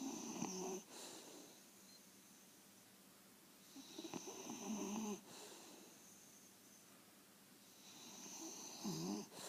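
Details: Snoring: rhythmic rattling snores on each breath, about 15 a minute, with quiet gaps between; ordinary snoring.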